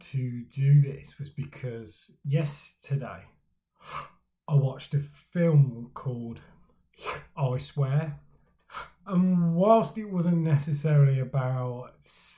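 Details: Man who stammers, speaking for Stammering Awareness Day about his own stammering journey; stuttering (stammering).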